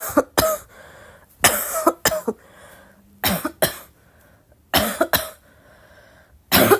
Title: uninterrupted coughing fit 2